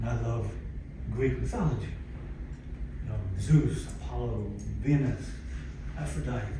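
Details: Aphasia in a 62-year-old man, acquired after a stroke in December 2011 following cardiac ablation for arrhythmia; in speech therapy at an aphasia center.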